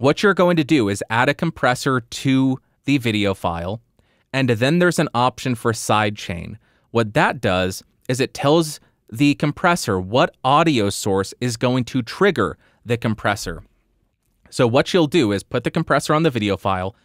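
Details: Adult man; typical speech.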